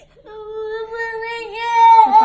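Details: A single sustained, tonal wail that rises in pitch and loudness toward the end: an infant crying.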